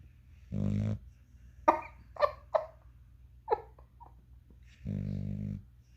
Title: snoring puppy